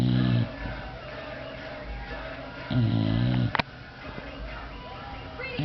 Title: The Snore